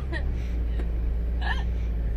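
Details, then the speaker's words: Repeated hiccups that keep coming and won't stop. "thick the hiccups will never stop"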